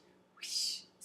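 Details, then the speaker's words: A single soft, breathy whoosh is a vocal imitation of a carotid bruit, demonstrating what is heard by stethoscope over the carotid instead of lub-dub; a bruit indicates stenosis of the vessel. "the wishing sound indicates that there is stenosis in the that blood vessel so that's why it's important that we check for that"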